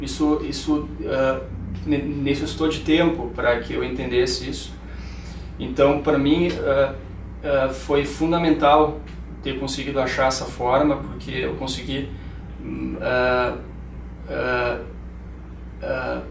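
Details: 31-year-old male neurologist who has stuttered all his life, with father and grandfather who also stutter; says he now stutters less and speaking more slowly helps; stuttering.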